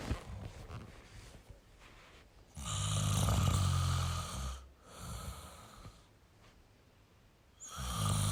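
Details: Loud snoring in a sleeping male: deep, droning snores on long inhalations with quieter exhalations.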